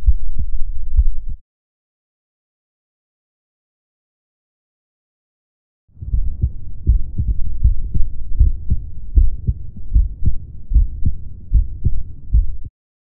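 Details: Adult's own heartbeat recorded with a DIY electronic stethoscope, a stethoscope head connected to a lavalier condenser microphone: low, muffled thumps of normal S1 and S2 under a rumbling background.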